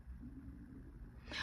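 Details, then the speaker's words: Low, drawn-out rumbling gurgle ending in a brief louder noise: stomach growling just after returning from the gym. "Oh, I hope y'all didn't hear that. That was my stomach growling. I just came back from the gym."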